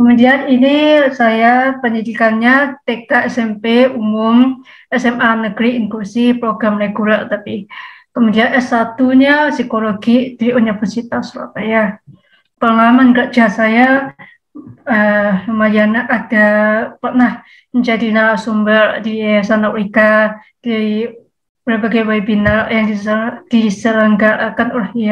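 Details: Speech of a 27-year-old woman with profound hearing loss (100 dB left, 110 dB right ear) who has used a cochlear implant since age 3.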